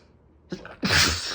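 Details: A sudden late-night sneeze from a male at bedtime: a short intake of breath, then a single loud, sharp, hissing sneeze.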